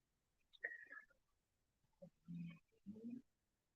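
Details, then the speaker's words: A large pit bull sleeping on a couch snores: a quieter nasal snuffle, then low, rough rumbling snorts in short bursts, heard behind a person talking. "sorry if you can hear somebody snoring back there it's my dog my dog right here Bishop right here I'm a big pitbull he's sleeping on the couch and he's he's the one that's snoring back there"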